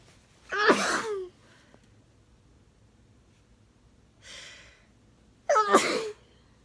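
Two forceful sneezes with a sharp intake before each, and a softer breath between them; ordinary sneezing.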